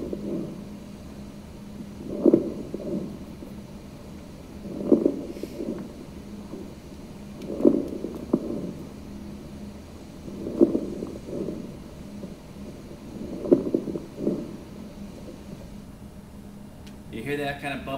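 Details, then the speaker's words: Patient with a very short inspiratory time, about 21 breaths a minute; bubbly, crackling pops at the end of inspiration from fluid in the alveoli: crackles (rales). "sound at the end of inspiration that's the RS so it's going to sound like a bubbly sound or a crackling sound a lot of times we get that crackling sound that we call Ral and that's because fluid is in the Alvi"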